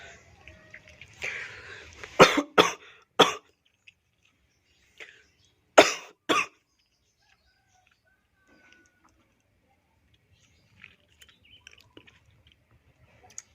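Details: A short throat clear, then five harsh, forceful coughs in two bursts, then quiet; person reports chest pain and red, blood-like streaks in sputum after coughing; productive cough.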